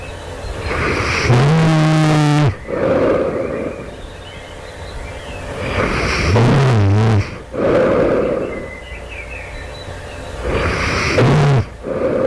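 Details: Loud snoring in the night just before the sleeper woke; the sleeper wonders about sleep apnea. Three loud, harsh, rattling snores about five seconds apart with low vibrating flutter and quieter breathing between.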